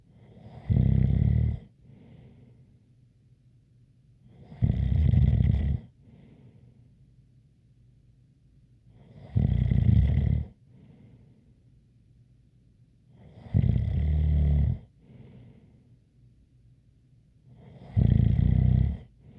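Loud regular snores about 15 a minute, each with a faint whistling edge, quiet between breaths: snoring.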